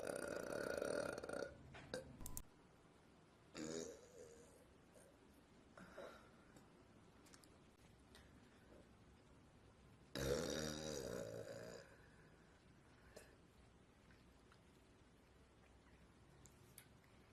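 Two long, loud, gurgling burps with a few shorter throat sounds between them in a quiet room; belching.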